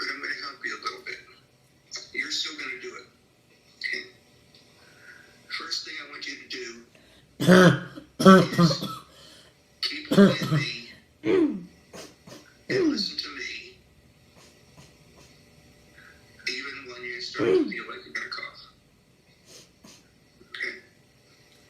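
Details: About eight loud, harsh, barking single coughs at irregular intervals over quiet background talk in a small room; habit cough (somatic cough syndrome).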